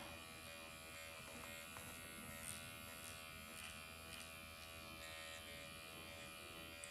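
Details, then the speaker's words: MD Needle Pen microneedling of the face at 1.5 mm depth with cross-hatch passes, under numbing ointment; continuous high-pitched motor buzz in a small room; described as almost painless, with erythema and not a bloodbath. "I'm gonna go and do this area. I'm gonna take it up to 1.5. Do the same motions. And then cross hatch."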